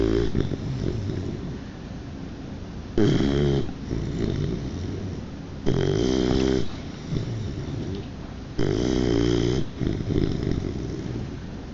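Loud, rough snoring with pronounced harsh snorts about every three seconds between quieter rumbling breaths, in a sleeping puppy.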